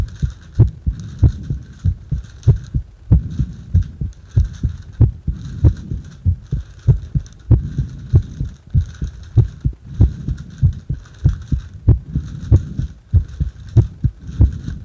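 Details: Strong, regular heartbeat at about 95 beats a minute, recorded during rebreathing into a paper bag; heart sounds.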